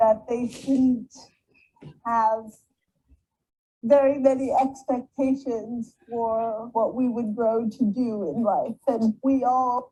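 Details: Adult speaker with cerebral palsy; spastic dysarthria.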